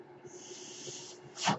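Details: Steady airy hiss of a delivered breath, then a louder puff of air release over a low constant hum, from the speaker's own ventilator during podcast speech: mechanical ventilator.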